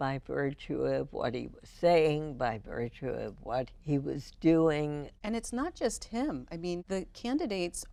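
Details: Adult female with spasmodic dysphonia diagnosed in 1998, treated every four months with botulinum toxin injections into the vocal cords; spasmodic dysphonia.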